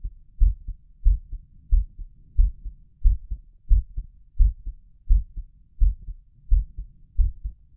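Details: Regular paired lub-dub heart sounds at about 90 per minute, a slightly quick but normal rhythm, self-recorded by an adult with an excited heart at the tricuspid area and over the apex.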